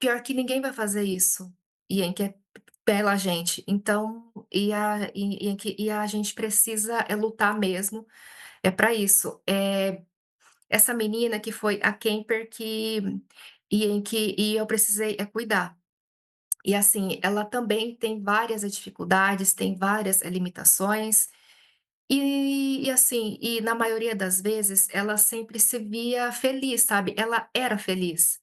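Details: Stuttering in an adult Brazilian woman speaking Portuguese, who reports many blocks when speaking.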